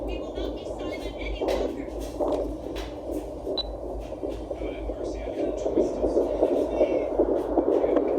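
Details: Home fetal Doppler at 10 weeks of pregnancy: fast, soft whooshing pulses over steady Doppler static, fetal heartbeat at roughly 150 beats per minute.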